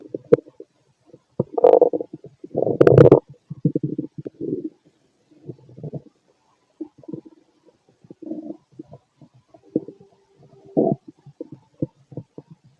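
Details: Irregular bubbling gurgles, low rumbles and squeaks of stomach growling in a gassy male late at night after eating a lot earlier.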